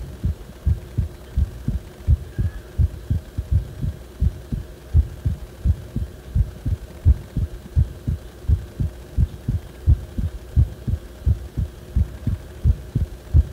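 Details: Heart sounds recorded when the heart felt wrong: deep thudding beats about 86 a minute, slightly uneven in spacing, over a steady hum; abnormal heart sounds.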